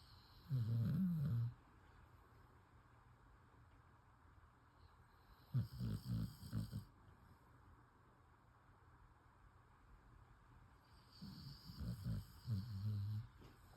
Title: Tigger Snoring